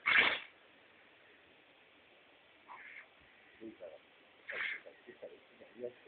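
A sharp, forceful dog sneeze opens, followed later by a softer second snort-like burst and faint sniffing noises; sneezing.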